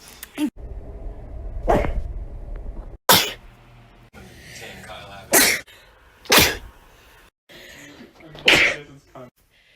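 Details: Series of about six sharp, explosive sneezes separated by short quiet gaps; ordinary sneezing.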